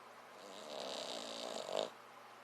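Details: Snoring: a single drawn-out rattling breath with a buzzy, nasal quality, rising then cutting off.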